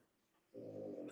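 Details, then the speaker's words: Dog asleep on a chair snoring: a low, rumbling, buzzing breath sound. "Is that your dog snoring? Yeah, can you hear him?"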